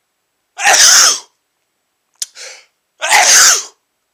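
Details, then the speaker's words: Two loud, forceful sneezes with a short sniff between, from a 24-year-old man after sniffing chhinkni (menthol-smelling snuff) for the first time, nose burning, eyes watering. "wow those are huge sneezes"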